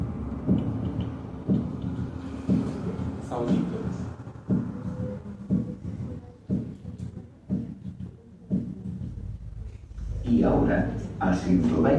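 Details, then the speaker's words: Third heart sound (S3) heard at the mitral valve area with the stethoscope bell at 60 beats per minute, in a veterinary auscultation class: regular heartbeat with a soft, low extra sound after each second sound; music behind. "ausc el S3 en la región valvular mitral empleando la campana del estetoscopio primero a 60 raos por minuto"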